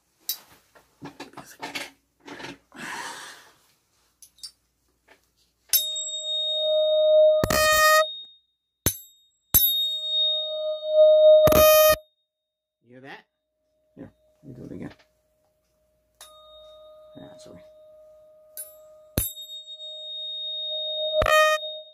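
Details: Simulated hearing test in a role-played cranial nerve exam: sustained, ringing mid-pitched audiometry tones repeated several times after soft handling noises.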